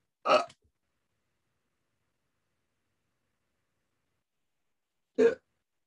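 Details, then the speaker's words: Simulated agonal breathing (death rattle) of opioid/fentanyl overdose, imitated by an adult: two brief rasping, snore-like gurgling gasps separated by a long silent pause. "you notice that pause, that rasping, they call it the death rattle. That's what it sounds like. It looks like a choking sound. It does sound like a snore-like gurgling."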